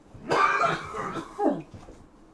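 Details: An adult who mentions a smoker's cough, accidentally inhaling pepper fumes while cooking steak: a harsh cough with a throat-clearing sound, then a short groan; irritant cough.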